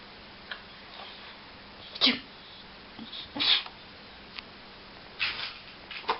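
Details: A dog named Cherry gives about three short, sharp, hissing sneezes on command in a quiet room; the sneeze was learned through clicker training.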